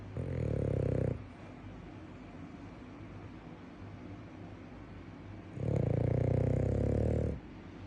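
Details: A sleeping flat-faced dog, tagged French bulldog/Boston terrier, gives two deep, rumbling snores a few seconds apart with quiet breathing between; quieter than his usual loud snoring.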